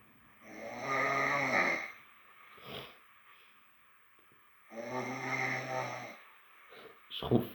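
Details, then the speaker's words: Loud, rough buzzing snores on each inward breath, about two in seven seconds, with a short snort between, from an adult asleep with a cold around 2:48 a.m.; heavy snoring. "Putain, les bruits se font de plus en plus intenses. Vous entendez? On entend que je ronfle. C'est bizarre. 2h48. Oui, 2h48 quand je ronfle."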